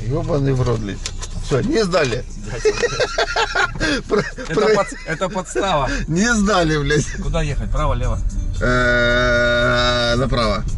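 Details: Adult male speaker; ordinary speech.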